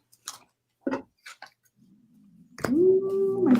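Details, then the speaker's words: An adult woman's stomach growling (borborygmi): soft squelching clicks, a low rumble, then a loud drawn-out tonal gurgle. "um is growling i don't know if you can hear that that was the loudest growl ever wow"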